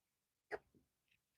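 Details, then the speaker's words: Adult woman getting hiccups while chatting on a live stream outdoors on a patio: a single sharp, abrupt hiccup with a brief trailing breath, then a faint high chirp. "Oh, I'm sorry. I got the hiccups, you guys."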